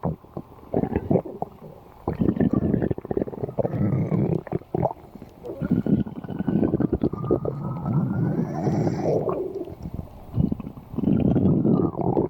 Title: Bakii's stomach Growling